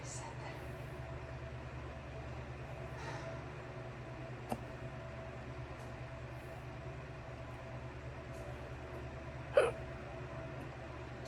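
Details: Two abrupt hiccups several seconds apart over a steady low engine-like hum, in a dramatized scene of hiccups after eating too much pizza.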